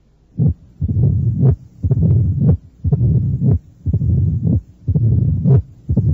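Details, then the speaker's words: Cardiac auscultation teaching recording, about 60/min: classic mitral stenosis complex with accentuated first sound, opening snap masked by mid-diastolic rumbling murmur, and presystolic murmur. "este es el complejo a oculta torio clásico encontrado en la estenosis mitral un primer ruido acentuado un chasquido de apertura un soplo mesos diastólico y un soplo pre sistólico"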